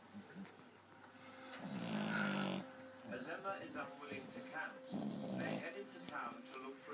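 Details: 11-week-old French bulldog puppy snoring.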